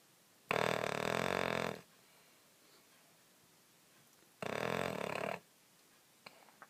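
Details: A sleeping hound dog takes two loud, rough, rattling breaths about four seconds apart, with quiet between: snoring.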